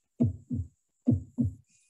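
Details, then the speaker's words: Mitral regurgitation heard at the cardiac apex: harsh, blowing pansystolic murmur at about 69 a minute, with long rough low sounds that blur the first and second heart sounds together. "so it's located in the epical region so it should be some murmur related with mitral valve right and it's like blowing type harsh murmur and you can barely differentiate between s1 and s2 so this is a pan-systolic murmur"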